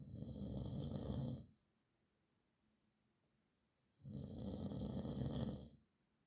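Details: Snoring described as the nightmare of the recorder's nights: two long, rumbling snores about four seconds apart with quiet pauses between, showing steady snoring at about 15 breaths a minute.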